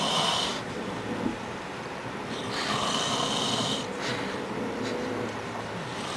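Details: Dad snoring: loud rasping snores in long repeated inhalations with a rough, fluttering quality; ordinary adult snoring.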